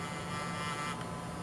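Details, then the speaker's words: Handheld vibration anesthesia device held on the base of the fifth toe during dorsal medial and dorsal lateral local anesthetic injections to diminish sensation: continuous low buzzing hum of its small motor. "the sensation is considerably diminished using the vibration device when I do a fifth toe I put the device directly on the base of the toe"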